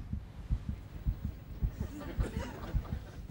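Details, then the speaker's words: Rapid regular thumping at about 107 a minute with faint voices behind, in a TV comedy scene: heartbeat sound from a fetal heart rate monitor found lying where it was dropped. "Cái gối ôm làm sao mà lại có tiếng tim đập chứ Siêu năng lực của cậu thất bại rồi Đây là cái gì thế Đây không phải là máy đo nhịp tim thai nhi của tôi sao"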